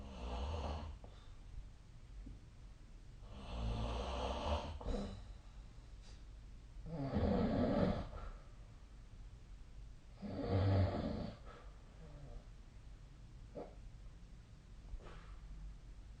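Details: Nightly sleep snoring recording from a snore-tracking app: four rough, rattling snores on regular breaths in a quiet room, about 15 to 18 breaths a minute; ordinary snoring.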